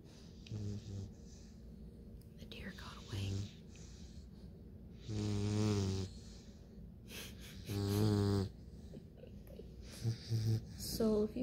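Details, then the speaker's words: 9-week-old Bluetick Coonhound puppy asleep: irregular loud, low, rumbling snores with quieter snuffling and faint whimpers between; snoring. "if you can't sleep with somebody snoring, you better not get one of these puppies."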